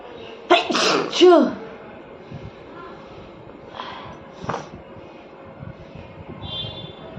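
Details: Woman inducing sneezes with paper in a sneezing challenge: one loud explosive sneeze with a voiced ending, then two faint sniff-like bursts over steady room noise; nose reddened afterward.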